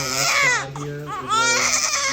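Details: Loud, strong wailing cries from a healthy baby boy just after natural birth at 39 weeks to a first-time mother, with faint music behind: vigorous newborn cry.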